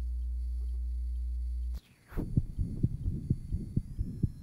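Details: 1955 phonocardiographic recording, aortic area: rapid heartbeats with noise between them, a murmur from an interventricular septal defect, possibly with persistent ductus arteriosus.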